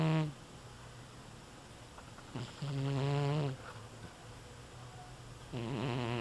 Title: snores